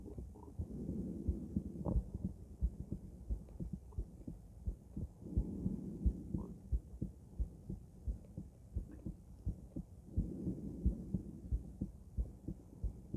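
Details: Female heart auscultated with several different stethoscopes via microphone, moving Erb's point, mitral, tricuspid, aortic, then pulmonic; regular low heartbeats about 88/min with soft breath-like background rustle; normal heart sounds.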